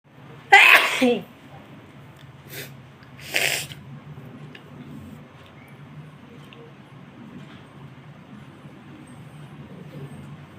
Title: tickling sneezes.